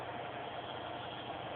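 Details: Steady buzzing motor hum of a nebulizer compressor running during a young child's nebulizer treatment.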